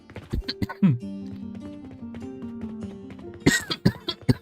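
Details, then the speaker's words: Cough from an adult with a lingering cough and difficulty talking, who has already taken a Strepsils lozenge without much help. "Already have a strepsil, as you probably already heard. Had some difficulty talking this whole time."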